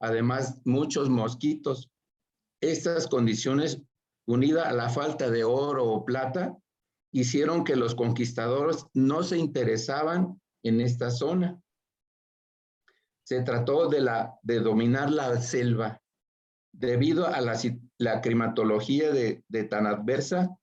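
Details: Aphasia after a stroke (acquired brain injury) in an adult man speaking Spanish in a workshop for people with aphasia.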